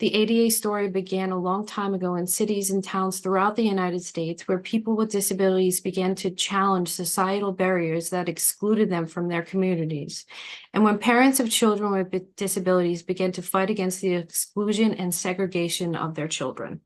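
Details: Adult woman narrating; normal speech.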